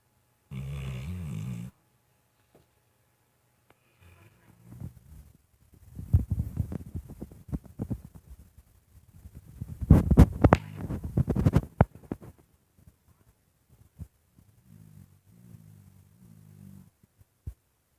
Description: my dog is sleeping well and snoring.